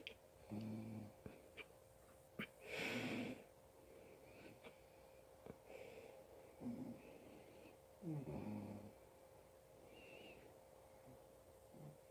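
Irregular low fluttering snores with snorting breaths and a steady hum in the room; snoring during sleep.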